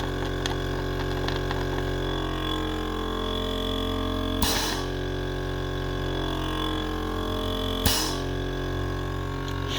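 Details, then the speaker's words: Steady motor hum with low drone and two brief hissing surges as the Sunset SU100 portable suction machine, used by a head and neck cancer patient with a tracheostomy, draws harder when the line is closed; normal running. "Now, as I said, like I'm using this thing here now. If I close this shut, you'll hear the machine pick up and suction harder and you'll see this gauge go up."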